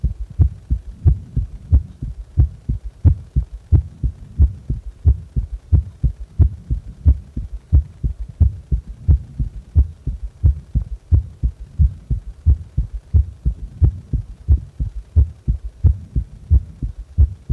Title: 息止め心臓音とその後の心臓音